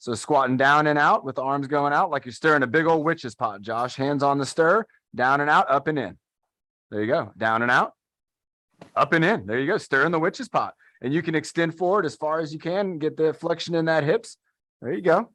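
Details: Adult man; typical speech.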